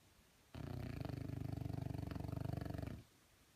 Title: Frenchie Snoring